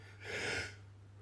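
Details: A single loud, forceful sneeze through nose and mouth over steady low hum, right after waking, one of four in a row; sneeze.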